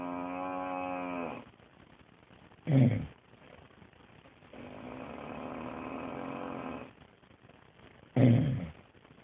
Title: Husbands snoring sounds like a cow